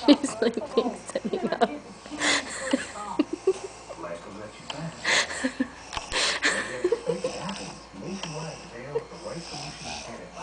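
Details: Woman snoring while sleeping sitting up: irregular noisy sleep breathing with snorting snores and some high whistling sounds.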